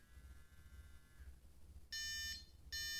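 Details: Two loud, shrill electronic beeps from a MyoSmart Slim sleep bruxism alarm, which is triggered by masseter muscle activity (myography) and here is set off by hand as a demonstration: bruxism alarm buzzer.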